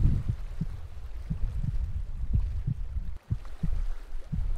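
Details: A simulated heartbeat in a spooky forest ambient sound mix with thunder and rain: soft, deep, rhythmic thumps under steady rain-like noise.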